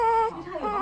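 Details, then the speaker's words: Newborn girl on her first day home from hospital, thought to be hungry for milk: a brief, high-pitched single wavering wail; newborn cry. "we will be seeing a lot more of that in the next few months looking forward to it I know you're hungry feed you now"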